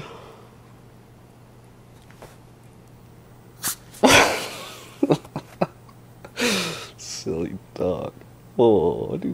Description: Super cute Teacup Chihuahua keeps sneezing when you pet his nose.